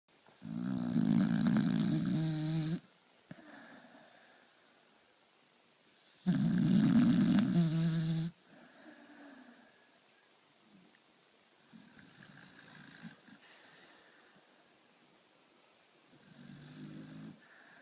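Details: Loud, rattling inward snores about every six seconds, with quieter breaths in between; steady snoring during sleep.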